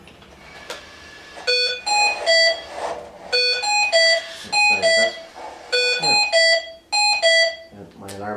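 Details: Hamilton T1 ventilator during pre-operational circuit check (tightness and flow sensor test): repeating clear, high electronic tones in a melodic pattern with faint room noise, a ventilator alarm sounding.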